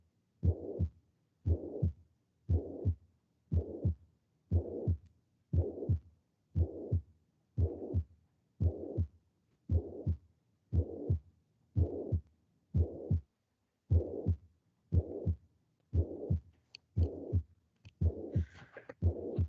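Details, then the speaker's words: Mitral regurgitation at the mitral focus, radiating to the axilla: regular heartbeat near 59 a minute with a weak first sound followed by a plateau-shaped pansystolic (holosystolic) murmur. "Vamos a escuchar un primer ruido débil seguido de un soplo pansistólico."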